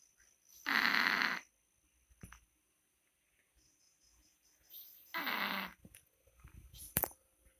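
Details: A sleeping cat gives two drawn-out, rattling snores several seconds apart; ordinary harmless snoring in sleep.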